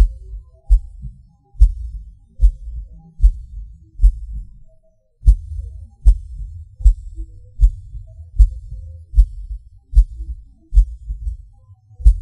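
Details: Self-recorded heartbeat with PVC/PAC premature beats, felt as a sudden rush or falling: strong low beats at about 70 a minute with uneven spacing and one long pause; an irregular rhythm from early extra beats.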